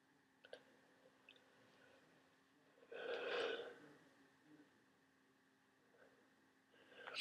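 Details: One sharp, breathy sneeze with faint sniffs around it in a quiet room from an adult with a worsening head cold, sneezing frequently.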